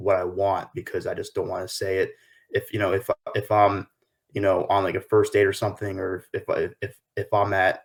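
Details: 23-year-old man with lifelong stuttering since his early school days; his paternal grandfather also stuttered; real, unscripted adult stuttering.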